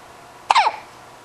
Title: Darned Hiccups